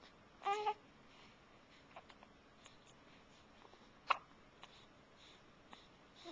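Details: An infant gives a brief voiced coo then a single sharp hiccup, with faint small clicks in a quiet room; recorded on a Flip Video camcorder.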